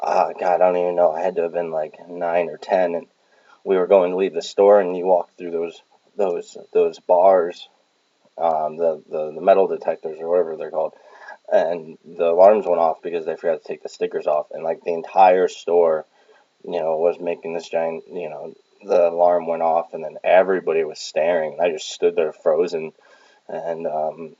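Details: Adult male with Tourette syndrome since childhood (vocal tics, head and shoulder movements) and OCD, who does diaphragm exercises for a stutter that used to be much worse; stuttering.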